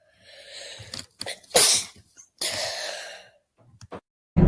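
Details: A voiced intake builds into a sharp, hissing sneeze burst, then a second, longer sneeze exhale from a girl: ordinary sneezing.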